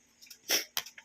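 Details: A child who has been ill gives two short, harsh cough bursts in quick succession, the first louder, then a faint softer sound; the cough began dry and now brings up phlegm.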